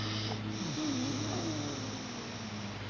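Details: Almost 5-year-old child with laryngomalacia: noisy, snore-like breathing with a wavering high-pitched tone; stridor.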